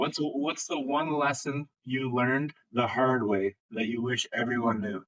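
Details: Adult male interviewer; typical speech.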